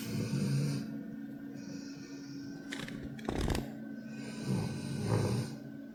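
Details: Ellie, a 20-month-old female Pitbull x Kangal shelter dog, in deep sleep after a long day: deep, rumbling snores with faint music in the background.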